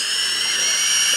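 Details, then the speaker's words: Steady high-pitched whine of a dental handpiece grinding away the marked outer tooth surface in veneer preparation, with the finish line at or 0.2–0.3 mm below the gumline. "chỉ cần làm sao mài hết cái bề mặt gì mài hết cái bề mặt mà chúng ta đánh dấu"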